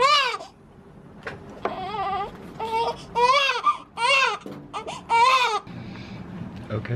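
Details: Loud, repeated crying bursts with brief pauses from a newborn girl just delivered by emergency C-section after a surprise induction; a strong, healthy newborn cry.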